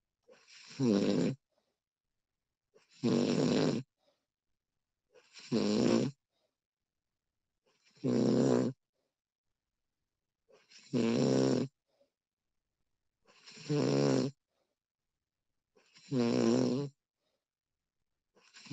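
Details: Woman snoring during sleep, recorded with professional audio: seven fluttering snores on the breath in, about 24 a minute, with near-silence between.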